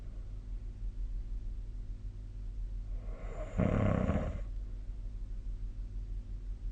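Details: A single loud, rough, rumbling snore on one breath stands out against a steady low room hum. It is snoring during sleep, recorded 2025/03/02, with the SnoreLab app linked.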